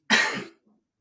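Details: Adult man, sick for a week with fever and night-time coughing, told at urgent care it was probably sinusitis, treated with steroid injection, cough syrup and antibiotics: a single harsh, loud half-second cough, then a faint short sound.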